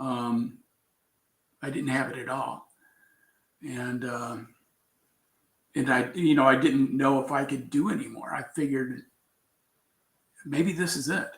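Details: Aphasia in an adult man after a traumatic brain injury from a bicycle accident about four years earlier, with coma, followed by four years of recovery relearning to speak; trouble with words.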